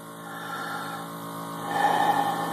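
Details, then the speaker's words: Jet nebulizer compressor (small-volume nebulizer) running with about 2 cc sterile saline, no albuterol, as the user inhales a demonstration treatment: steady mechanical hum with a hiss that grows louder partway through. "so I'm going to turn it on and then what you do is you just inhale as so"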